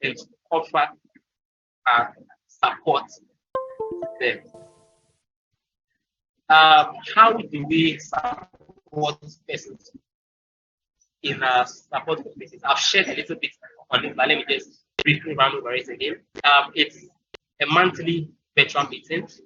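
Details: Adult male speaker; stuttering.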